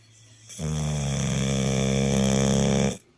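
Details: Pit bull dog: a single loud, long, deep vibrating snore of about two and a half seconds; very loud heavy dog snoring.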